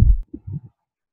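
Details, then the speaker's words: Normal heart sounds heard as a low dull lub followed by softer dub thumps; the first sound is the atrioventricular valves closing, the second the semilunar valves closing. "so that's the sound of your heart beating and you can hear it and that is the sound we call laptop yeah i know it sounds like boop"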